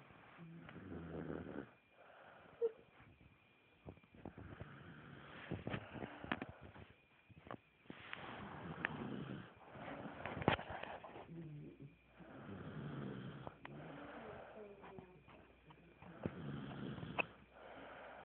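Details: A baby sister snores in her sleep with rough, snorting breaths in repeated bursts and some whistling. The snoring is said to be louder than the average grown man's.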